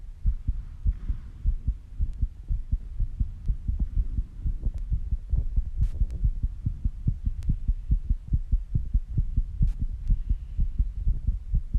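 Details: Own heartbeat recorded after rebreathing and squats, with heavy breathing: fast, steady, low thumping at roughly 120 to 130 beats per minute, tachycardia from exertion.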